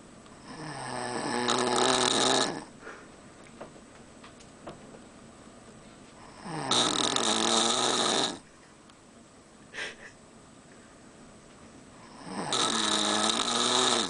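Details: Adult man (father) asleep on a cruise to Alaska: loud, rattling snores on each breath in, about every five seconds, with quiet breathing between; heavy snoring.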